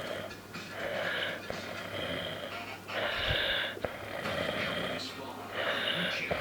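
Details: Adult man, a brother, sleeping in September 2017: rhythmic rasping snores, about four breaths in six seconds, over steady room hum; ordinary snoring.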